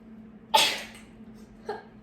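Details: Female livestreamer sneezing during a live stream: a single sharp, explosive sneeze burst, then a brief small exhalation afterward.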